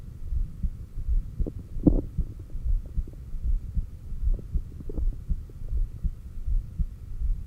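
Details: Normal heart sounds recorded by stethoscope at the apex during exhaled (stomach vacuum) and inhaled breath-holds, pushed a little. SpO2 was shown on a new oximeter, with occasional stethoscope noises and fairly strong stomach growls.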